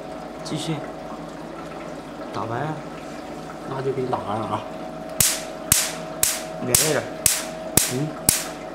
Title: Q Switch Nd YAG Laser For Tattoo Removal